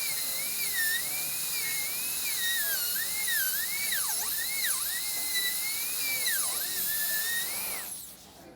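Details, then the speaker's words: High-speed handpiece with diamond bur refining the margin of an all-ceramic crown preparation on tooth #9 (rounded shoulder), sanding carefully to avoid a lip; high-pitched drill whine dipping as the bur bites tooth. "we're going to refine that margin just a little bit you can do that by just bringing the tip of your diamond out and just carefully sanding that margin"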